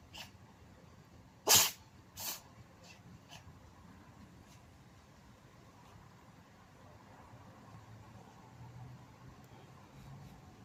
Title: MATSUNOO GRAND SHRINE AND A SNEEZING CAT.